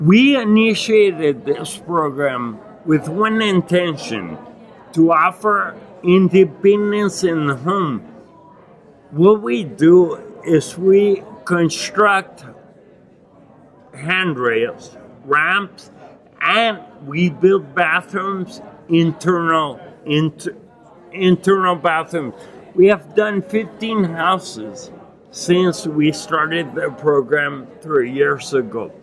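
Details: Adult man with non-progressive acquired ataxia and myoclonus (Lance-Adams syndrome) from brain damage after Legionnaires pneumonia and a 12-day induced coma in 2011; he reports difficulty speaking and articulating and getting winded when speaking; ataxic dysarthria.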